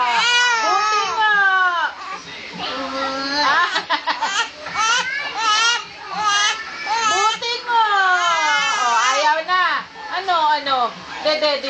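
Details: Hungry infant crying after the milk ran out: loud, sustained wailing in rhythmic bursts with brief gasping breaths between cries.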